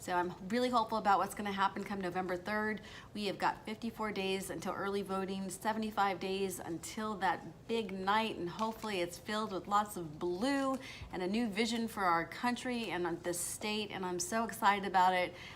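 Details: Adult woman; normal speech.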